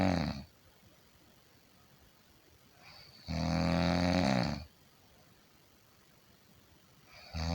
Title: 50 minutes of Snoring sound - Snoring like nobody else